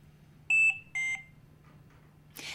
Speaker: Trilogy 100 also has a number of low priority alarms which convey information that you should be aware of for example a button is stuck or the detachable battery needs to be charged low priority alarms are two beeps together in a repeating pattern